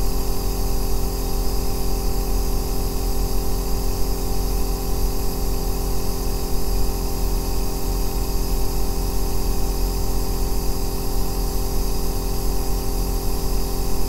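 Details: Aerosol nebulizer running continuously for a 2-hour sleep and relaxation recording: steady deep bass droning hum with a constant hiss and no breaks.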